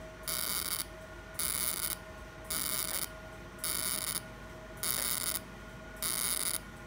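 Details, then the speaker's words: Fractional CO2 laser firing on a patient's accident scar on the hand, after topical anaesthesia and mesotherapy: regular bursts of high buzzing tone, about 50 a minute, each half a second, in repeated passes; stamping pattern visible. "as you can clearly see the stamping pattern of co2 laser it has been explained to the patient that the host camp may take seven to ten days to disappear"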